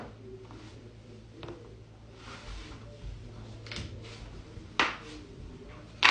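A quiet room with faint shuffling, then two sharp, brief pops near the end, the second cut off: joint cracking.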